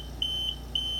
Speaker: so if you actually have a kink in your tubing alarm will sound it's gonna be a fast intermittent beep so as you can hear it's a fast intermittent beep and